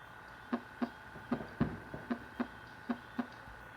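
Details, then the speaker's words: Teaching recording of crisp paired heart sounds at about 75 a minute, with a snap soon after the second sound from a thickened stenotic valve opening: an opening snap. "Los chasquidos suenan así,"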